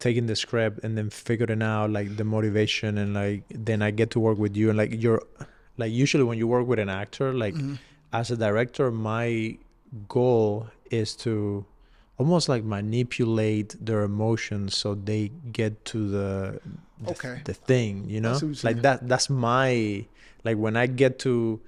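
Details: Adult man speaking in conversation; normal speech.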